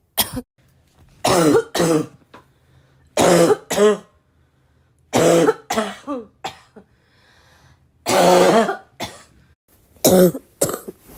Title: i really love my own cough… is that normal?